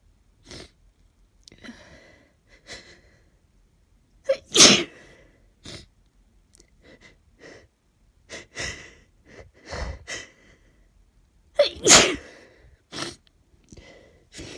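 Two loud, forceful sneezes, each preceded by catching breaths, with sniffles and short breathy sounds throughout.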